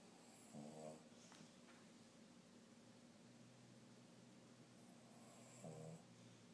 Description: My Bobo can snore with the best of them!!!!